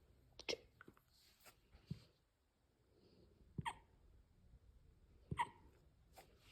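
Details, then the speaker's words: Dog (Kingston) with hiccups: short, sharp, irregularly spaced gulping catches in breathing, about three in six seconds. "No, you can't stop hiccuping."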